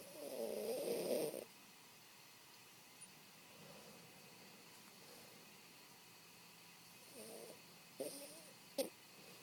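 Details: Dog snoring during sleep: short, raspy snorting snores at irregular intervals between quiet breaths, with a faint click.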